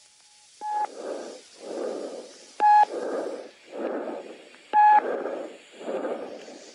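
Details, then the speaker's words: Normal tracheal breath sound, mouth open: loud, harsh, hollow breaths like blowing through a pipe, inspiration equal in length to expiration, with a brief pause before expiration. "ما انت زي ما انتم شايفين دلوقتي ان هو التك بريس ساوند عباره عن ان هو فاتح بق بياخد انسبيريشن اشن مده الانسبريشن بتساوي مده الاكسبيشن وفي زي بوز كده او جاب بسيطه قبل الاكسبشن"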